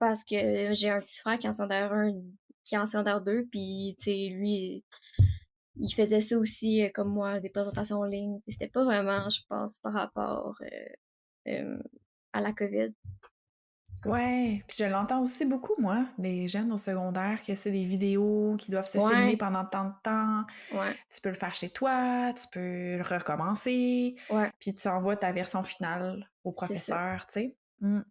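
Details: Stuttering in an 18-year-old woman, speaking French.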